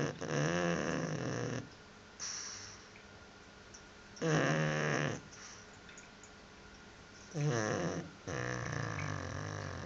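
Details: Pug snoring: loud, rattling snores on each breath in, quieter breaths out, about 15 breaths a minute; flat-faced dog.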